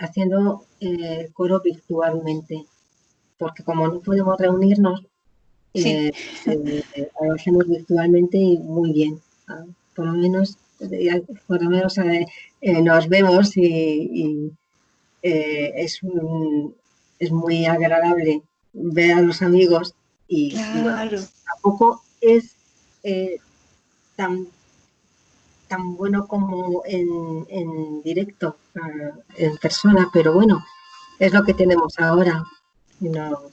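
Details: Woman with aphasia after a stroke. She was initially unable to speak at all and gradually recovered words through speech therapy. She is speaking in an interview.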